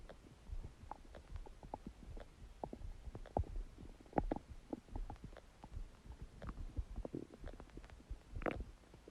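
Frequent low gurgles, pops and bubbling squeaks in irregular bursts throughout, typical of loud stomach gurgling (borborygmi).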